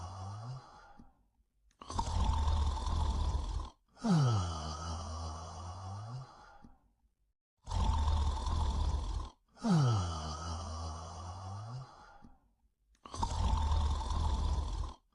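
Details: Loud, rumbling snores in long drawn-out cycles, about 11 a minute, some breaths ending in a whistling, groaning tone; snoring.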